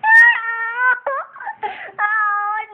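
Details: An infant boy's high-pitched, wailing, tonal bursts with brief catches in between, heard as infant crying.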